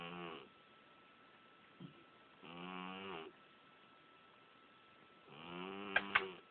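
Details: Cat snoring during sleep, said to genuinely snore like this: three drawn-out, buzzy, moaning breath sounds separated by quiet pauses, with a small snort between.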